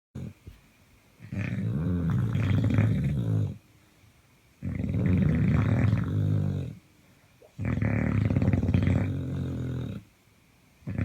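Loud, deep, rattling snores on each breath, three in eleven seconds, about 16 a minute, with quiet pauses between. Heavy snoring.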